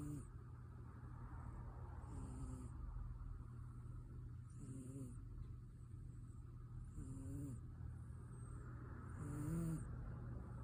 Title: Pure contentment ❤️🥰 cat snoring #cat #catshorts #catlover #cutecats #funnycatvids #cat #catvideos